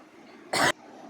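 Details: A single short, forceful cough from an adult woman who reports a recent cold, fever and cough, breaking an otherwise quiet indoor room.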